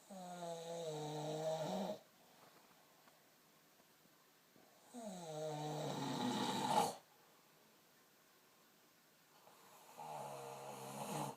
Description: What is this snoring???